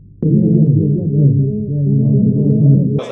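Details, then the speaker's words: Electronic headphone simulation of how a person with hearing disability perceives sound: muffled, droning audio with all clarity stripped away. "adesso ti mettiamo questi cuffie qua simulano elettronicamente la percezione di una persona con disabilità uditiva"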